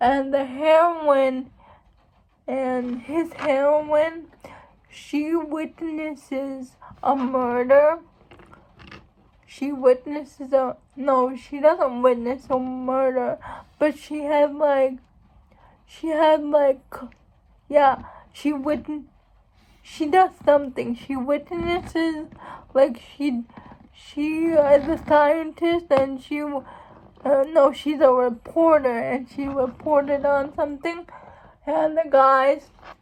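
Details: Adult woman who states she has cerebral palsy, real condition; dysarthria in cerebral palsy.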